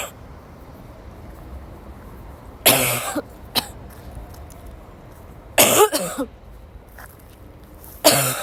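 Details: Sick young woman woke up sick and had a violent coughing fit in class; four harsh, forceful dry coughs in quick bursts with quiet gaps between: coughing fit.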